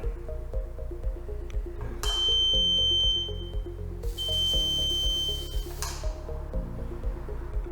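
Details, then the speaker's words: Two sustained high electronic tones: foot-pedal activation signal of a DKU-100 RKh monopolar radiofrequency electrosurgical unit (diathermocoagulator) demonstrated in cutting mode, over background music. "піднести інструмент до місця процедури і натиснути педаль пролунає звуковий сигнал"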